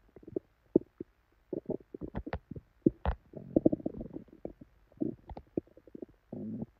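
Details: Loud frequent gurgling and rumbling in irregular bursts from a woman's belly: borborygmi, hyperactive bowel sounds after probably expired milk, with very bad diarrhea.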